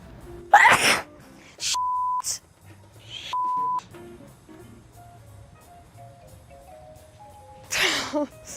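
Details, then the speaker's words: Several sharp sneezes from different people, with background music and beeps, in an allergy sneeze compilation; one person says they always sneeze in twos; allergic sneezing. "Hold on. I'm going to sneeze. Bless me."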